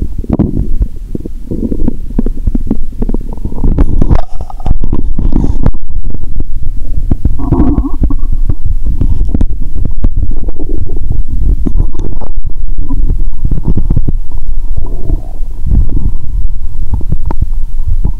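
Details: Stethoscope on the upper abdomen after drinking cola with Mentos: loud, continuous low rumbling and gurgling with shifting bubbling churns; active bowel sounds (borborygmi).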